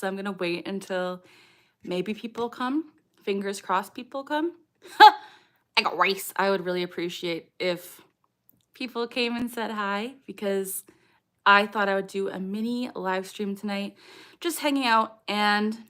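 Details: Adult woman with Tourette syndrome; an echolalic phrase tic occurs at the end; Tourette syndrome (vocal tic).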